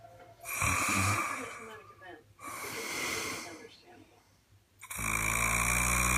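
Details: Heavy snoring: loud, harsh, rattling breaths with snorting, separated by short pauses.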